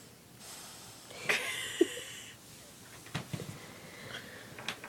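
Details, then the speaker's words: A dog sleeping in a quiet room breathes with a noisy, slightly whistling inhalation and a few brief snorts: snoring. "no she just started snoring again"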